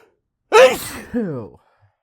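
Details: Announced, talked-through sneezes, some big, with failed holdbacks; one loud, voiced sneeze with a sharp burst and a drawn-out vocal tail, amid several sneezes that tickle a lot.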